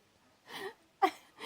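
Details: Single ordinary adult sneeze by the father: quick breathy intake then sharp explosive burst, startling his baby son, who looks shocked.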